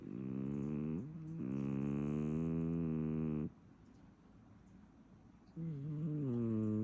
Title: Nebelung cat snoring